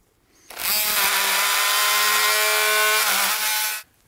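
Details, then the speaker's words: Oscillating saw buzzing steadily about three seconds with slight pitch change, making the distal femoral cut through a pinned cutting block during partial knee replacement surgery on a right knee. "I'm gonna pin that distal femoral cutting block into place with two pins, and then we're gonna make that distal femoral cut."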